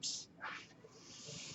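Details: The speaker's own mechanical ventilator during a spoken podcast recording: short bursts of hissing air followed by a steadier airy hiss, the rhythmic airflow of breaths being delivered.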